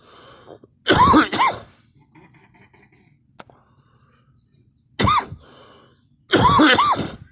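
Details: An adult coughing with a girl present: four loud, harsh cough bursts, two close together, a pause, then two more, with quiet room noise between.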